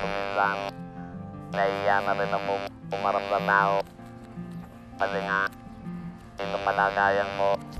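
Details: Adult man with no natural voice after his vocal cords were removed for laryngeal cancer caused by heavy smoking (up to 40 cigarettes a day), speaking with an electrolarynx; electrolarynx speech after total laryngectomy.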